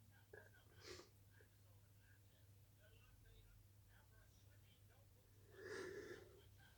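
Faint room noise, then a quick breathy burst near the start and a louder sneeze burst near the end: sneezing.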